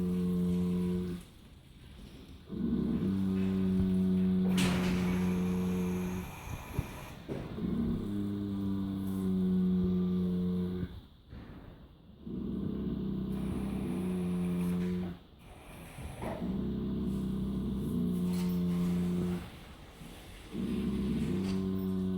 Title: Incredible snoring Friesian horse!!